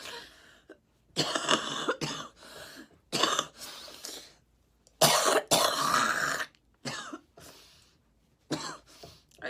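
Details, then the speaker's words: Girl sick with a cold after a storm, congested, sneezing and stuffed nose, hard to catch her breath: run of harsh, wet-sounding coughs in irregular bursts with throat clearing and breaths between; chesty cough. "oh my God between the coughing and sneezing I can hardly Catch My Breath my nose is so stuffed up it just cannot stop tickling"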